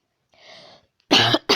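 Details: Cough in a young person whose nose was acting up from allergies: a soft breathy sound, then two loud, harsh cough bursts in quick succession; he says he still has a cough.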